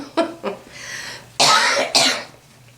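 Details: Adult woman's lingering cough after an illness: two short throaty catches, then two loud, harsh, drawn-out coughs.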